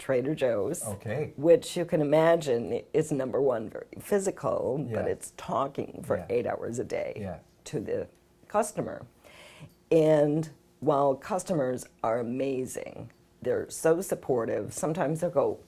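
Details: Spasmodic dysphonia, a rare neurological voice disorder, in an adult woman. Symptoms began about 6 years earlier and she was diagnosed about 3 years ago. She reports her voice is better on some days and worse on others.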